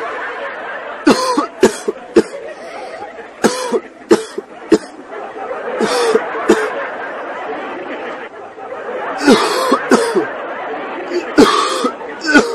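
Repeated short, harsh cough bursts in quick clusters, mixed with laughter-like sounds. A coughing fit.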